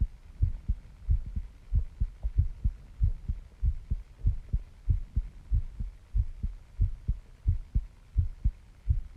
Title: My Heartbeat Sounds I can feel my heart pounding